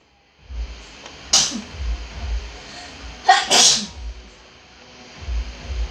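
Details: Recorded in the Philippines: two loud sneezes, the second a double burst, over steady background hum and faint music; sneezing.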